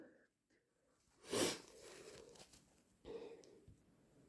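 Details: Induced hay fever sneeze: one loud, very wet, explosive sneeze with a brief sniffly breath afterward and quieter breathing, in a small room.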